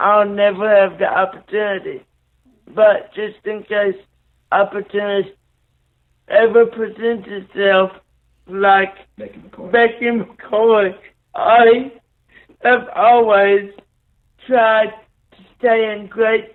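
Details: 27-year-old man with cerebral palsy after neonatal brain bleed and stroke, born three months premature after a car crash; right-sided paralysis, blindness, seizures; slow speech with dysarthria (cerebral palsy)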